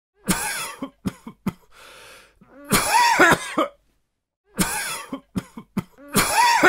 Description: Coughing sound effect. Human sounds. Cough male.